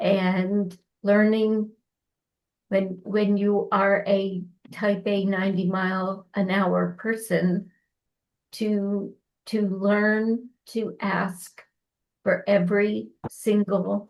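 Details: Dysarthria in an adult woman, former anesthesiologist, with ALS diagnosed 2021, onset with hand weakness and swallowing trouble; now ventilator-dependent, which she says makes speaking difficult.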